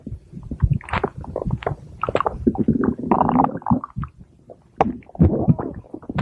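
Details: Stomach growling (borborygmi): low, bubbling gurgles and rumbling squeaks in irregular bursts with short pauses.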